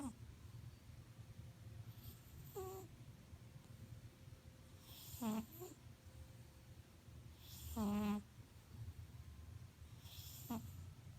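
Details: Snoring from a silver tabby cat during a nap.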